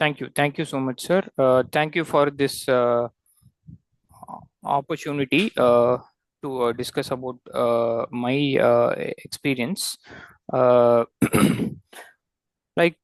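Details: Adult man who has stammered since childhood and reports difficulty producing vowel sounds; he links worsening to a TMJ issue and deep bite, though that cause is doubted; stammering (stuttering).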